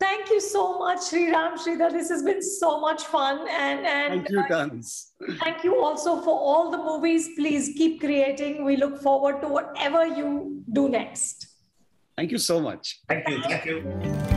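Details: Adult woman speaking; normal speech.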